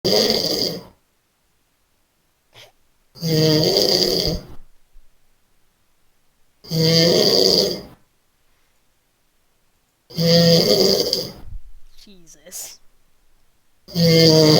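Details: Person snoring during sleep: loud, rattling snores with each breath in, about 17 a minute, separated by quiet pauses; heavy snoring.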